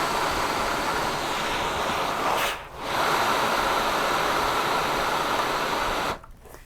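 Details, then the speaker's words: Steady rushing hiss of airflow with a brief dip midway, then cutting off near the end, as a ResMed S9 CPAP unit with humidifier, heated tubing and nasal mask is switched on by its top power button. "when you turn your machine on you push this button down and you will hear air flow from the"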